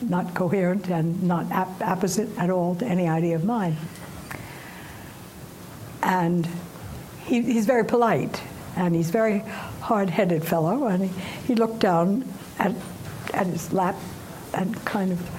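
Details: Woman aged 89, recovering from stroke-caused aphasia, reports her syntax still breaks down; post-stroke aphasia.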